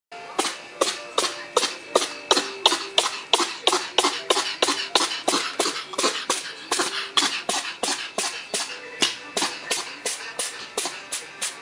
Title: Сфинкс чихает. Sphinx cat sneezes